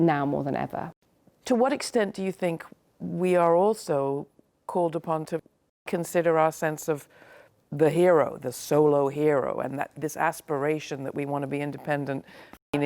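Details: Adult speaker; Normal speech.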